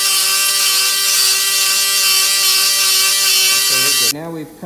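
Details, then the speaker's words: Powered saw blade with a loud steady high whine, pitch dropping as it stops, cutting the calcaneus (heel bone) almost through for a medial heel-shift osteotomy during stage II posterior tibial tendon dysfunction reconstruction with arch collapse. "then using this saw blade we're going to go ahead and cut that bone all the way through almost to the other side of the bone, and then we'll open that part of the bone just by spreading it"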